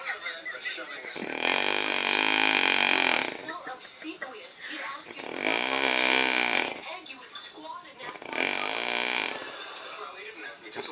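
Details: Adult woman (mother) snoring, first heard as a strange noise: three loud, drawn-out, buzzing snores, each about two seconds long, with noisy breathing between them.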